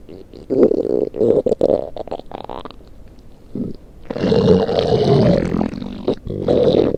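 Gurgling, rumbling stomach noises in irregular bursts, some long and bubbly; ordinary stomach growling.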